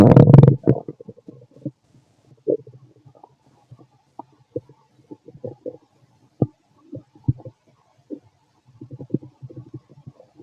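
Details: Adult fit male's abdomen recorded with a stethoscope after lunch and a carton of milk: frequent low gurgles and bubbling clicks after an initial loud rumble; active bowel sounds.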